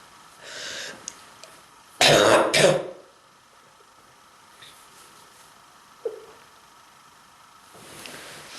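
Two harsh, forceful coughs in quick succession, then quiet breathing with faint room noise; cough with acute bronchitis.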